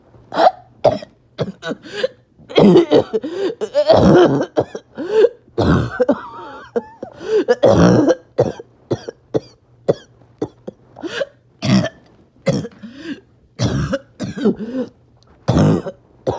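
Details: Repeated harsh, barking coughs in clusters with strained, noisy breaths and wheezy intakes between, after a bad 48 hours; persistent barking, wheezing cough.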